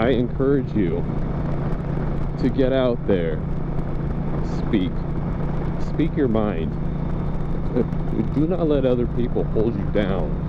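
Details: Adult man who stutters, speaking outdoors while riding a motorcycle; finding: stuttering.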